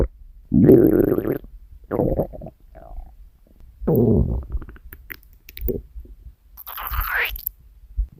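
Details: Loud low gurgling growls in bursts with a rising squeaky gurgle near the end; stomach growling (borborygmi) recorded from a girl's stomach.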